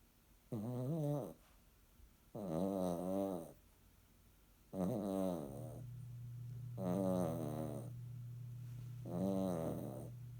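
Five short, tonal snoring sounds at roughly one every two seconds, over a steady low hum in the room. Snoring.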